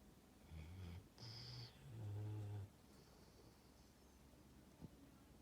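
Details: Dog snoring in its sleep: low, fluttering snorts and a drawn-out rumbling snore over quiet room noise.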